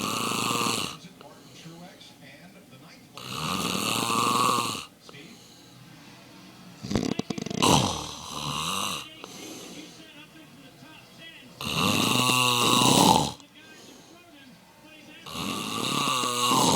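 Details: A sleeping adult man snores loudly and harshly about every four seconds, each snore a long rattling inbreath, with quieter breathing between.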